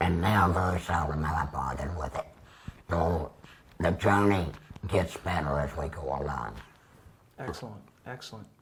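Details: 75-year-old man using tracheoesophageal speech about two years after laryngectomy (tracheostomy, then radiation), with a Provox Vega voice prosthesis, extra HME cassette and Stabila base adhesive.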